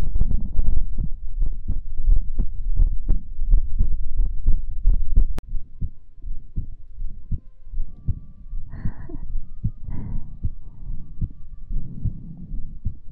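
Soft, fast, uneven low thumps for about five seconds, then quieter thumps with a few faint tones and low room noise; heartbeat.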